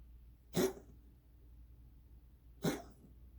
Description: My cat has been having this weird cough for months. It is not a hairball.